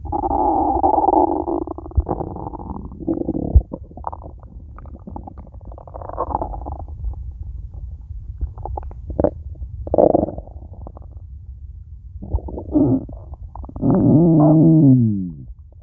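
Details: Empty stomach, nothing eaten yet today: low gurgling and rumbling with squeaky rising gurgles near the end; stomach growling (borborygmi).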